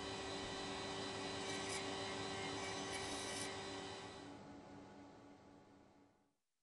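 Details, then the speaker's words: Cercon CAD/CAM system: steady high whirring grind that fades out as the machine fine-mills a zirconia bridge framework, with the inner coping surfaces milled circularly for an optimal fit. "during fine Milling the inner coping surfaces are milled circularly to ensure an optimal fit"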